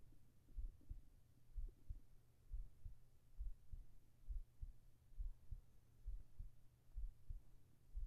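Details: Soft, low paired heart thumps at roughly 67 beats a minute under a faint hum, recorded as sleep ASMR with whispered voice; a quiet, ordinary heartbeat.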